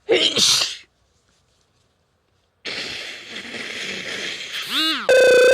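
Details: A sharp sneeze burst, a pause, then a long noisy nose blow ending in a tone; part of a short medley of sneezes and nose blows.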